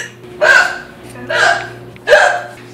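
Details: Woman (girlfriend) with loud hiccups: three abrupt voiced hiccup bursts about a second apart, each a sharp catch of breath with a brief vocal squeak; repeated hiccups.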